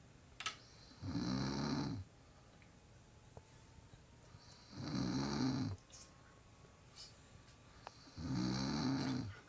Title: Snoring not boring